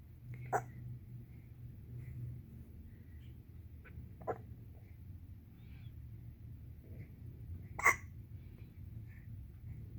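Quiet room with three soft, abrupt clicks at irregular intervals; infant hiccups.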